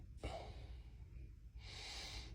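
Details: Sharp nasal snort, then a long hissing exhale through the nose, from a big Mastiff dog in a guest room; snorting.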